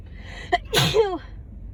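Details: Single sneeze on day 3 or 4 of a cold, amid near-constant sneezing, coughing and nose-blowing: a quick sharp intake of breath, then one forceful, explosive sneeze with a brief voiced tail.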